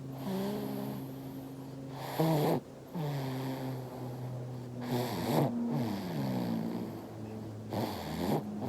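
Soft, rhythmic snoring from a sleeping infant, about 20 breaths a minute, with brief noisy snorts on some breaths over a steady low hum.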